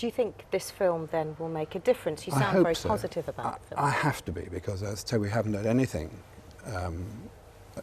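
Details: Adult speakers in a broadcast interview; fluent speech.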